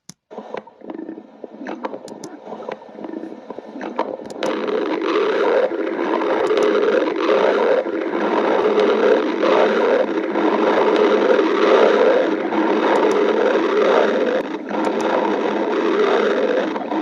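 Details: Soft gurgles give way to a long, loud, bubbling rumble: ordinary stomach growling (borborygmi) from gas and fluid moving.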